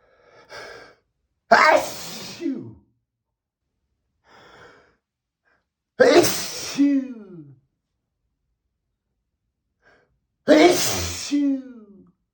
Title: HUGE Sneezes (M)